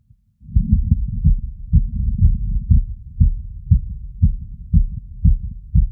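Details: Heart auscultation with a stethoscope diaphragm over the tricuspid area after exertion: fast heartbeat near 115 a minute with uneven spacing between beats, an arrhythmia.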